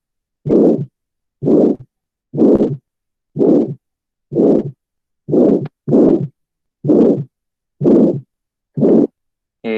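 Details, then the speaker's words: Aortic stenosis: regular, harsh, crescendo-decrescendo midsystolic murmur at about 62/min, with no ejection click, reversed splitting or fourth heart sound. "Pues a continuación vamos a escuchar cómo se vendría escuchando, pero pues como dije aquí no vamos a escuchar un clic ni pues un desdoblamiento invertido ni un R4, sino pues más que todo como el soplo mesosistólico, que es como la gran característica de la estenosis aórtica."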